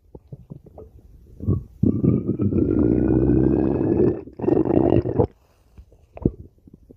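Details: Stomach growling (borborygmi).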